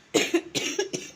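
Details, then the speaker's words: Three quick, harsh coughs in a row from a child with a bad cough; mother gave cough medicine at night. "आप लोग video में सुनते हो voice over करते हुए फिर बात करते हुए खांसी की आवाज़ को बहुत गंदी वाली खांसी हो रही है"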